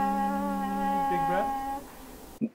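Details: Adult voice during laryngoscopy; Normal adult phonation.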